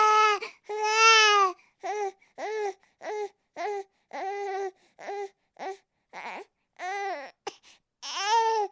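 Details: Sound-effect recording of a baby crying: loud, high, wailing bursts separated by short breaths at roughly one cry a second, ordinary infant crying.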